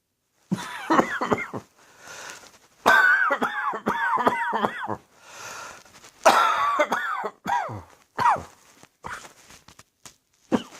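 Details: Heavy cold and sore throat: repeated harsh, strained, voiced, rough coughing fits in short clusters.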